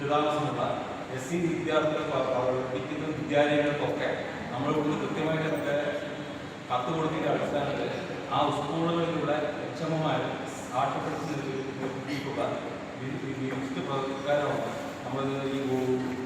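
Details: Stuttering in an adult man giving a public speech in Malayalam.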